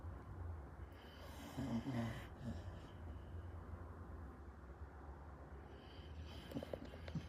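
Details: A sleeping pit bull makes low, rough snoring and snorting sounds over a steady background hum: snoring.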